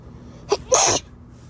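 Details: Very wet sneeze after a party: a quick in-breath followed by one loud, wet, hissing sneeze burst.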